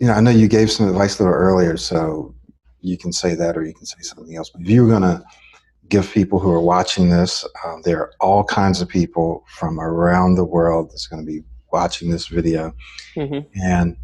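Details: Adult male speaker; fluent speech.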